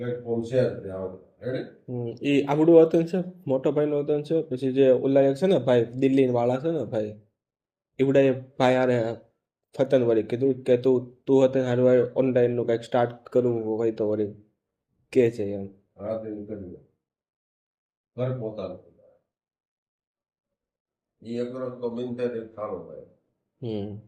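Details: Man who stammers and does daily fluency practice, speaking Gujarati in a recorded conversation with his father; stuttering.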